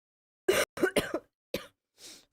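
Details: Livestreamer who says they are sick and have been coughing a lot all day: a short run of three dry coughs, then a fourth cough and an outward breath; cough.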